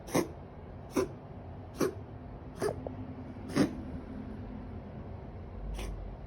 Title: 마음아픈 고양이 기침 영상 Coughing cat 😢